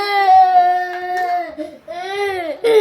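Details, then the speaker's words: A 4-year-old boy wails and sobs with sustained upset crying while resisting cleaning his messy room at bedtime, an ordinary toddler tantrum over a chore. "hey can you stop all that crying you the one who made the mess who made this mess"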